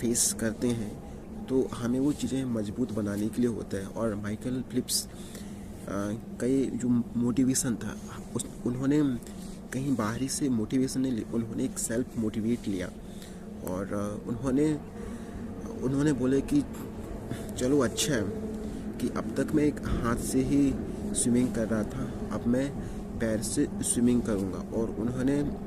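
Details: Stuttering in an adult man speaking Hindi, on day 51 of a 90-day speaking-practice challenge with yoga, meditation and breathing exercises; word repetition heard.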